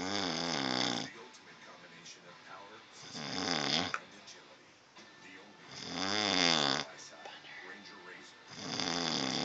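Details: Sleeper who claims not to snore; loud, strongly voiced, honking snores on four breaths in about 9 seconds, every two to three seconds; loud snoring.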